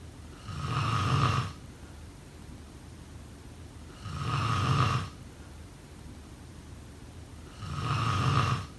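Regular rumbling snores on each breath in, about 17 a minute, with quieter breathing between them in a sleeping adult.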